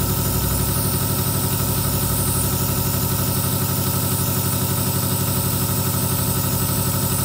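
Steady low mechanical hum with rapid even pulsing, the sound of a nebulizer compressor running continuously.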